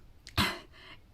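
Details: One short, forceful cough with a brief rough tail from an adult recovering from a cold who has lost their voice.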